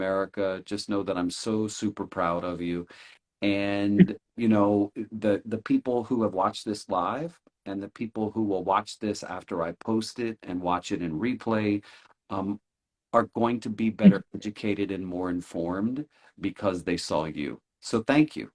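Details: Adult male speaker; normal fluent speech.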